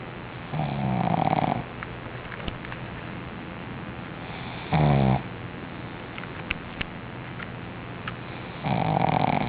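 Three loud, rough, buzzy snores a few seconds apart with quiet breathing between, typical of a flat-faced dog snoring during sleep.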